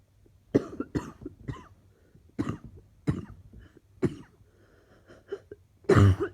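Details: Person expecting to be coughing all day: cough.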